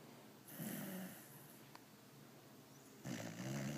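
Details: Pitbull dog snoring loudly enough to wake owner: two loud, rumbling snoring breaths with quieter breathing between; dog snoring.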